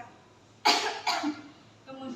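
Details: Acted demonstration of coughing into a face mask for cough etiquette: two muffled coughs from an adult.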